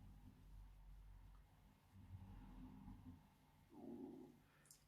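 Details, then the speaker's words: Quiet, low gurgling rumbles with a louder squelching swell near the end, from a person who had not eaten that day. Stomach rumbling (borborygmi). "so sorry if you can hear my stomach rumbling. I haven't eaten today."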